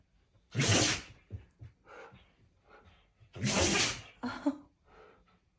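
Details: Siberian husky sneezing, four sneezes in the fit: sharp sneezes, each followed by short snorts and sniffs.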